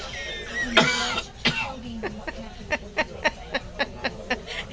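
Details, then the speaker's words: A young child playfully imitates his father's cough in hospital: two forceful, harsh cough-like bursts, then a quick run of short, clipped coughs. "he was even he was even mimicking your cough well there you are"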